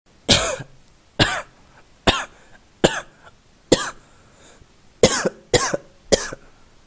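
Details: Sound-effect recording of an adult coughing: eight sharp, separate coughs, each a brief explosive burst with quiet gaps between.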